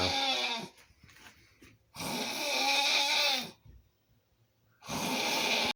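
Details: A person snoring: loud, harsh rattling snores with long quiet gaps between breaths, about two full snores in six seconds.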